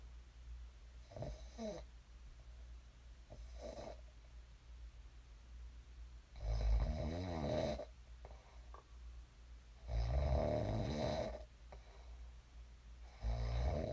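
Loud, rough, vibrating snores on inhalation with quieter breaths between, about 17 a minute, over low room hum; ordinary sleep snoring.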